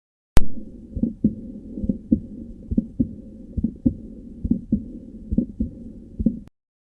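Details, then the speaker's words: Split first heart sound from asynchronous atrioventricular valve closure (e.g., bundle branch block, ventricular hypertrophy): regular heart sounds near 69/min, first sound split into two close beats. "неодновременного закрытия атриовентрикулярный или створчатых клапанов это может быть из-за блокады одной из ножек пучка гиса гипертрофия одного из желудочков значительном ослаблении сократительной функции одного из либо из-за разного диастолического наполнения желудочков"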